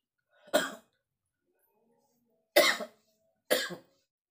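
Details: Adult man feverish with a cold (masuk angin) at dawn during rainy season: three short, harsh coughs over about four seconds, separated by quiet pauses.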